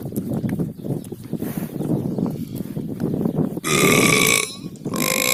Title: The Burping Cow Whisperer